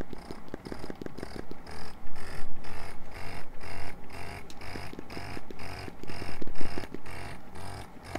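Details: Medela electric breast pump in expression mode, from a Medela Swing Flex (old) versus Medela Solo (new) comparison; which of the two is running is unclear. Fast, rhythmic, low motor pulsing with slower swells in loudness.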